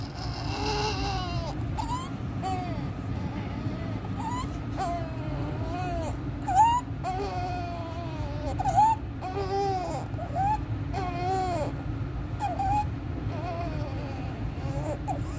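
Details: 15-day-old full-term baby with inspiratory stridor: weak repeated cries with harsh noisy indrawn breaths between them; suprasternal and intercostal retractions, severe chest indrawing, desaturation, worse with crying and feeding.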